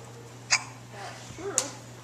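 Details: A young child holding Poppy's watch hiccups while being filmed.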